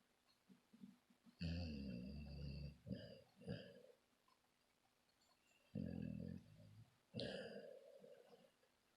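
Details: Low, rattling, snorting snores on sleep breaths with quiet pauses between them, from a sleeper said to be dreaming who is then called to wake up.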